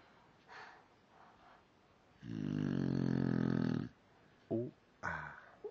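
One long, loud buzzing snore between softer breaths and short snorts. Snoring.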